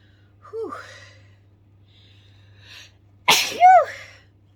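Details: Woman's sneeze at bedtime, deliberately induced with pepper to clear her sinuses: a faint indrawn breath, then one forceful sneeze with a voiced tail and a trailing sound.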